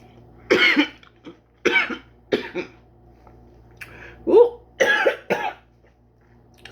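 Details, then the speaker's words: A run of about seven short, harsh coughs with throat clearing in a quiet room, from an adult who started coughing while eating cucumbers and watermelon with fresh lemon; ordinary cough. "got got me a little bit but this is good sorry for coughing [ __ ] all right this watermelon y'all what the hell damn I can't stop cing I'm good now okay"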